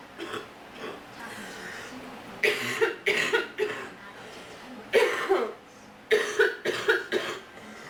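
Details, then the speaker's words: Acted coughing by a speaker complaining of allergies, sore throat and being sick; short clustered throaty bursts in a small room; an imitated rather than real cough. "I wish I had some cough medicine. I'm so sick of being sick."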